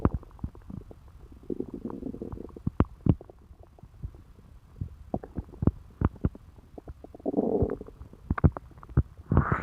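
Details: Low gurgles, irregular pops and short rumbling bursts from a woman's stomach after eating pizza; ordinary stomach rumbling, bowel sounds.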